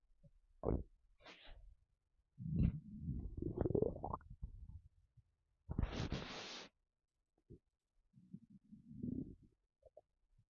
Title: Empty stomach rumbling